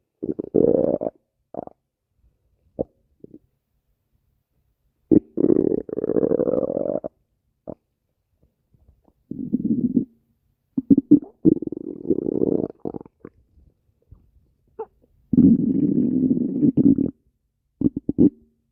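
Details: Bursts of low, gurgling, groaning rumbles separated by silence; ordinary stomach growling (borborygmi) from gas and fluid moving through the gut.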